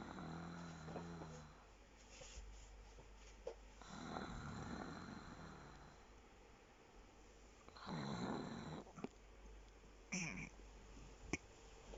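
Grunting, pig-like snoring with rough snorts and a few whistling breaths, fairly quiet against room noise.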